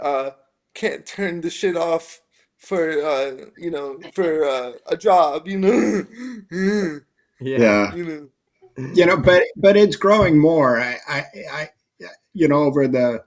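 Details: Dysarthria in a 27-year-old man with spastic quadriplegic cerebral palsy from a brain injury at premature birth (three months early, triplet), affecting his motor function, balance and speech; real, not acted.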